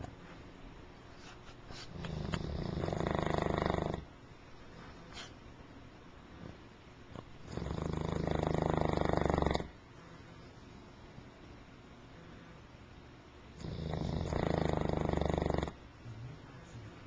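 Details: English Mastiff dog asleep, with loud, rough, rattling snores about every 6 seconds (roughly 10 breaths a minute) and quiet pauses between; snoring, recorded with a Flip Video camcorder.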